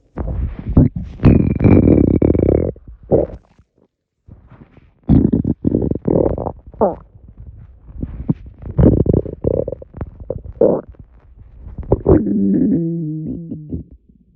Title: Swallowing air stomach rumbles